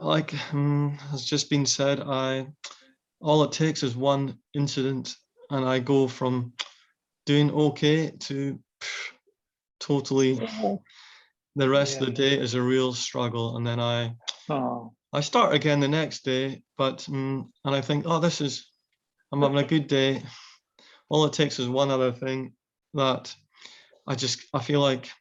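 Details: Aphasia after a brain tumour in a male forum participant; speech with fillers and hesitations.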